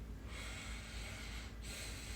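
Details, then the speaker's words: Slow, deep breath heard through a stethoscope over the intercostal spaces of a young adult at a physical checkup, steady airflow without wheeze or crackles; lung sounds clear bilaterally. "Perfect. Perfect. Lung sounds clear bilaterally."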